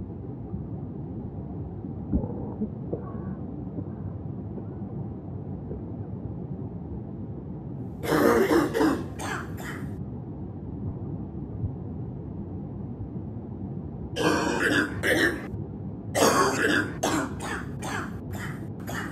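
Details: Adult with bronchitis: three bouts of harsh, rattly coughing, each a quick run of several coughs, over steady background noise.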